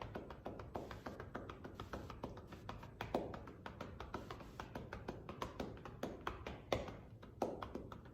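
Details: Manual chest percussion with cupped hands over the left lower lobe posterior segment, on a volunteer lying prone with a pillow under the chest, 90-second demonstration: rapid, steady hollow clapping on the back to loosen airway secretions.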